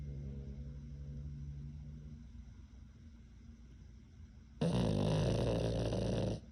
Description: The name of our SNORING PUG PUPPY is Kyro. He was 11 months old when I took this video. He likes to sleep in between our legs then SNORE.